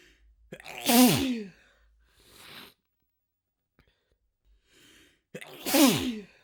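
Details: Person with a sneezing fit: two loud explosive sneezes, each preceded by a sharp intake, a quieter breathy sound between.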